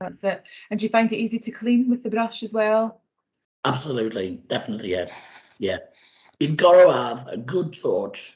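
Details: Adult woman speaking, with a second speaker answering; typical voice.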